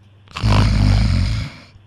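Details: One long, loud, low rattling snore lasting about a second, coarse and vibrating, imitated during a Telugu radio prank call about snoring; simulated snoring.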